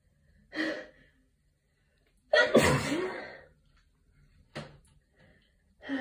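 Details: Tired person with allergies sneezing into a tissue: quick in-breath, one muffled sneeze, then brief sniffs and breaths.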